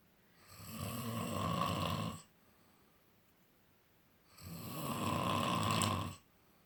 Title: More Snoring!